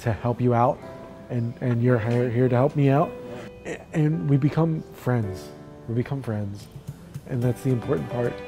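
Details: Adult with chronic aphasia after stroke, in a two-week intensive aphasia therapy program; aphasia with repetitions.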